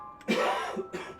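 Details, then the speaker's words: Two harsh coughs from an adult in the background, the first longer, heard over steady video-game music during a live stream; coughing. "oh you can hear my husband coughing in the background which is really cool"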